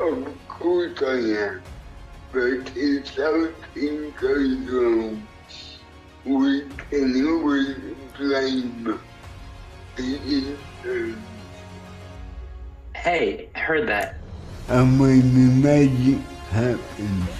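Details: Young multilingual woman with cerebral palsy since birth affecting her speech, who uses a speech-recognition app to communicate; finding: dysarthric speech (cerebral palsy).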